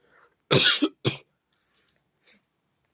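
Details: Two sharp, forceful coughs in quick succession from an adult, followed by soft breathy exhalations: an ordinary dry cough.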